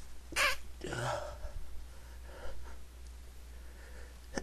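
A sharp inhaled build-up and a single explosive sneeze, followed by quieter breathing.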